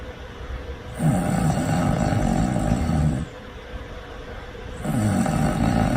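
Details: Person in deep sleep: loud, deep, rattling snores on each breath in, each lasting about two seconds, with quieter breathing between them; snoring.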